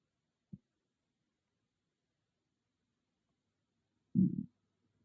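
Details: Own stomach growling recorded on an iPhone without a special microphone: a brief low pop, a pause, then a short loud gurgling growl; borborygmi.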